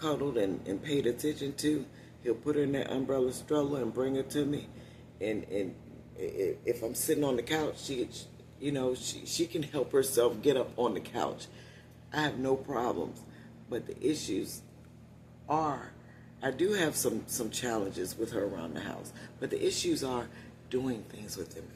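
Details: Adult woman with one vocal fold paralysed after neck surgery, voice lost about three years ago; she must push much more air to speak, which tires her; unilateral vocal fold paralysis.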